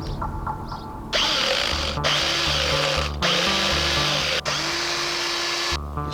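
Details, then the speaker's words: Horse with large teeth and little room in the mouth undergoing dental floating with a power dental file instead of steel hand files: loud, steady motor whine grinding the teeth in bursts, with background music. "in Years Gone by this job had to be done with steel files they were cumbersome they were tricky and they always ran the risk of actually digging into the horse's mouth and causing pain using this equipment it's a whole lot better"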